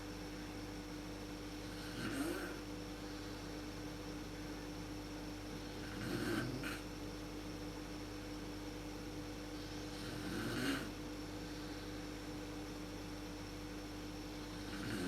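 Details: Mother snoring in the dark, worst at sleep onset, recorded with a PowerShot SX130 IS camera: soft rough snores about every four seconds, roughly 14 a minute, over room hum.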